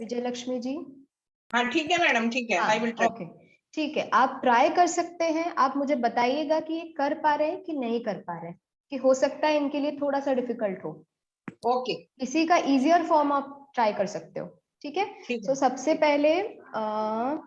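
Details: Adult woman speaking; healthy speaker.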